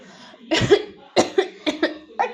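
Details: An adult woman, the mother of a two-year-old girl, deliberately fakes a run of about six short, dry coughs.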